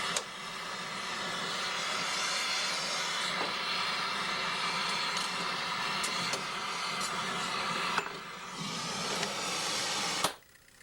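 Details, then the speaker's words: Centrifugal casting machine arm spinning freely after torch-melting gold (oxygen and propane) for a screw-retained full gold dental crown: steady whirring hiss for about ten seconds with light clicks, then a sudden stop. "go let that free Spin for a little bit and I will uh stop the arm in just a little bit here"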